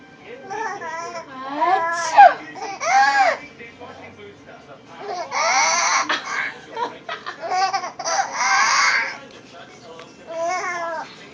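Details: Infant laughing after mother sneezes: bursts of high-pitched crying-like and laughing vocalizations with breathy, excited breathing between.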